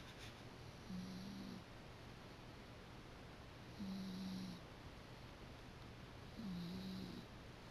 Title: My Dog Snoring